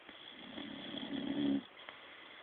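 One rising, rattling breath-in snore lasting about a second, over a steady background hum.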